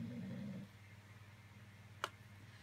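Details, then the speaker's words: Pet dog snoring while asleep: a brief low rumbling snore, then quiet room noise and a single click. "he's having a proper snorey do today"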